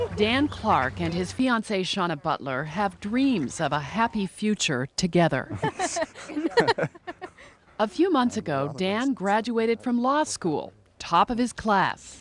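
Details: Adult news narrator; typical speech.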